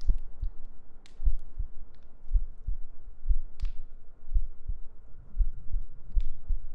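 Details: ASMR sleep-aid heartbeat recording with gentle breathing and humming: soft low paired heartbeat thumps about 60 to 70 a minute, faint clicks and rustling behind.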